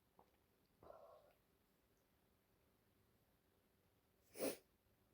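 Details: Female with allergies, congestion and a runny nose: a short sharp intake and a brief breathy sound, then one forceful sneeze ending a sneezing fit; sneezing.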